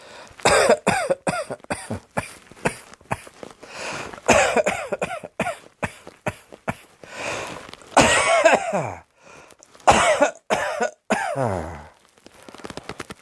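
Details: Repeated bursts of harsh coughing in quick runs, with some throat clearing and short pauses between bouts; a persistent cough.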